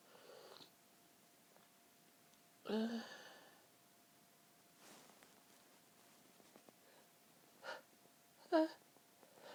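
Several sharp, explosive bursts spaced over a few seconds in a quiet room, a run of repeated sneezes.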